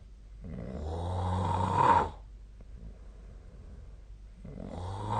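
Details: Sleep snoring recorded on 2025/02/08: loud, rough inhaled snores with a rattling low flutter, separated by quieter breathing.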